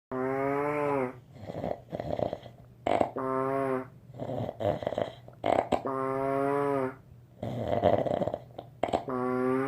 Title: Snore (who can sleep with that )